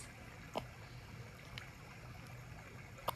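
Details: Newborn girl's hiccups on her first day in hospital after caesarean birth: three short, sharp hiccup sounds about a second apart over a low room hum.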